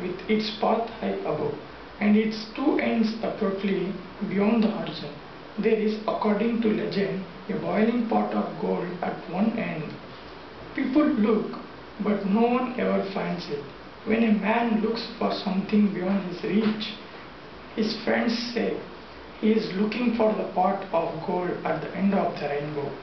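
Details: Puberphonia in a 21-year-old man before treatment, reading a passage: high-pitched voice persisting since puberty, with soft voice and voice breaks.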